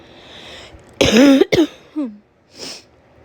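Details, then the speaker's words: Acted summer-cold cough by a woman role-playing a sick girlfriend: two harsh throaty coughs with a short voiced catch after, then a soft sniff; a tickly throat cough, with reported wheezing. "Help me get rid of this cough."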